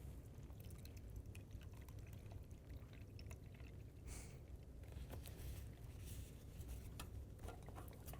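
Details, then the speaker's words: CNA skill demonstration of emptying a urinary drainage bag, unclamping the drain port into a measuring cylinder: soft continuous trickle and pour of urine into the container. "then I'm going to unclamp the port and then I'm going to drain the urine into the"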